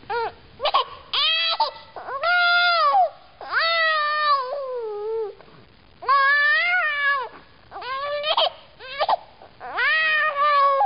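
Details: 8-month-old baby girl crying during tummy time, which she hates: repeated loud, rising-and-falling infant crying in drawn-out bursts with short gasps between them.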